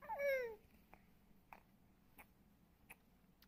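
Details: Hiccups, apparently in an infant: brief babbling, then soft, regular hiccups about every 0.65 seconds, roughly 90 a minute.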